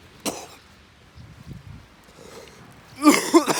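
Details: Coughing outdoors by the sea, described as lung cleaning: one short cough, a quiet pause, then a louder burst of two or three coughs with throat clearing.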